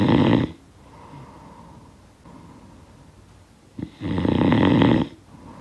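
Loud, rough snores on each breath in, separated by quieter breathing out; ordinary snoring from a sound-effect recording.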